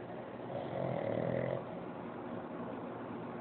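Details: Napping pug gives a single drawn-out, rough, fluttering snore on the in-breath, followed by quieter breathing; snoring.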